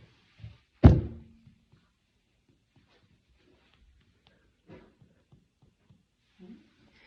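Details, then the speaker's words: Abdominal percussion during a head-to-toe health assessment of a flat, symmetric abdomen with bowel sounds present: one loud, hollow thump with a short ringing tail, then faint taps. Tympany predominates in all four quadrants. "So tympani is, tympani predominates in all 4 quadrants."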